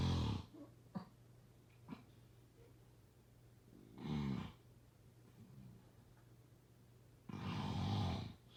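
Irregular low rattling snores with quiet gaps and a few faint clicks; snoring during sleep.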